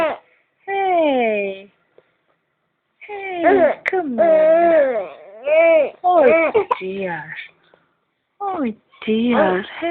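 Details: Repeated drawn-out wailing cries from an infant in a quiet room, with brief pauses for breath between them; the baby is crying while having hiccups.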